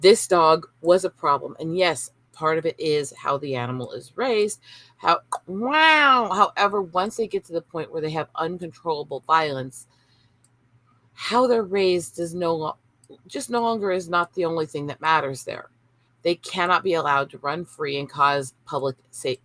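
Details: Adult woman with Tourette syndrome and brain issues from childhood seizures; involuntary 'wow' interjection mid-sentence; vocal tic (Tourette syndrome).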